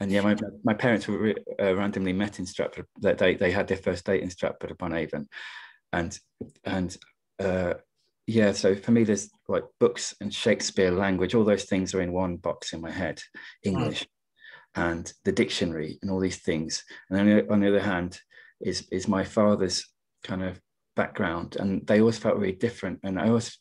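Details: Adult poet who stammers and partly attributes it to caring too much about what he was going to say, speaking in a webinar on stammering and creativity; word repetitions heard; stammering.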